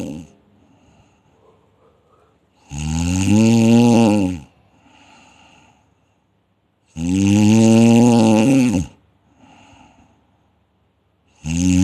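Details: Loud, harsh, buzzing snores on each inhalation, about one every four seconds, with soft exhalations between; snoring from vibrating relaxed throat tissue.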